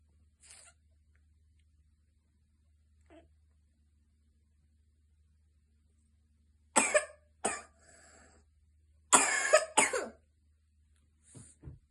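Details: An adult with asthma and chronic cough coughs in harsh bursts, two close together and then two more, in a quiet room.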